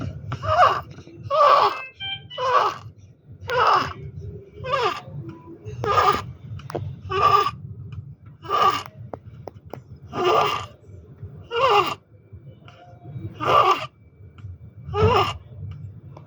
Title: Neonatal Stridor.